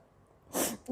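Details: Sneeze from a young Indian girl who has had hiccups for a long time and is trying black pepper powder as a remedy: a single short, explosive sneeze after a quiet lead-in.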